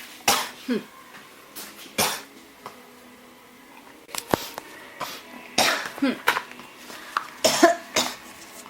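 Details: About eight harsh cough bursts in under nine seconds with brief gaps; persistent, hard-to-stop cough, tagged with pneumonia.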